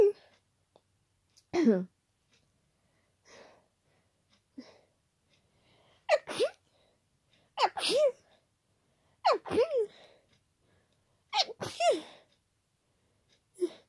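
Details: Person with an ongoing common cold, very tickly nose, not stifling: about six loud, forceful, wet sneezes with sharp in-breaths between them; sneezing.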